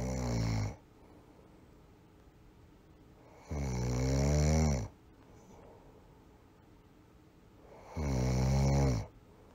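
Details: Snoring sound effect: loud, rattling low snores about every four seconds, roughly 14 a minute, with quiet gaps between.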